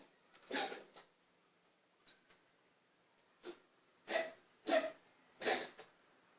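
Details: Pet named Kiddo with asthma coughing: several short, harsh, breathy coughing bursts in quick succession, some with faint hacks between.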